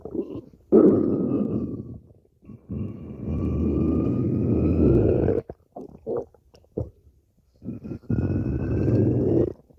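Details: Stomach growling from a long recording of over five minutes: long, low gurgling growls with a rising whine and short bubbling pops; normal borborygmi.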